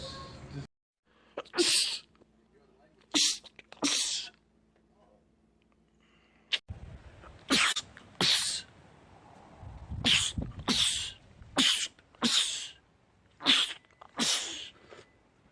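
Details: Male sneezer, part of a compilation of rapid sneezing attacks: a few isolated sneezes, then a rapid run of about ten sharp, hissing sneezes in quick succession, a sneezing fit.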